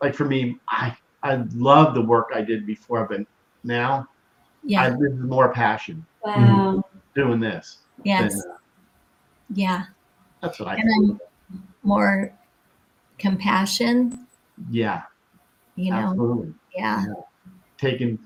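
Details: Aphasia after a severe stroke in 2020 in an adult woman, global aphasia affecting expressive speech, with ongoing word-finding difficulty.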